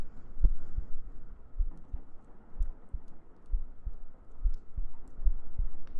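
Soft, muffled lub-dub thumps at a steady rate of about 60 a minute over a low hum. A heartbeat.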